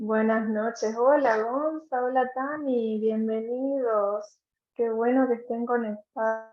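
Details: Adult woman speaking Spanish; Normal speech.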